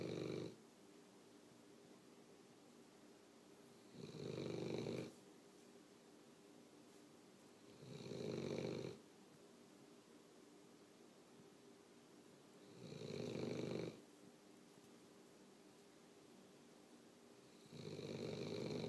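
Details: Regular rasping snores about every 4 to 5 seconds, roughly 13 breaths a minute, with quiet gaps between: snoring.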